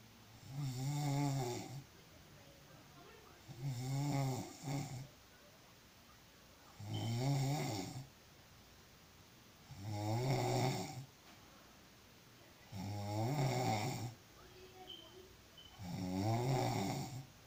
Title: Sound of snoring when you are very tired.